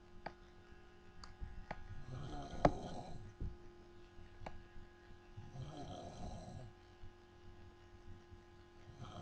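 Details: Two rough, low snoring sounds on inward breaths from a sleeping adult woman, over a faint room hum.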